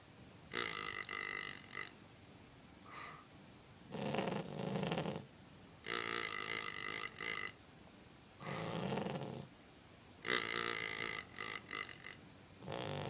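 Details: Cavalier King Charles Spaniel snoring: repeated loud, rough, snorting, grunting noises in bursts every couple of seconds.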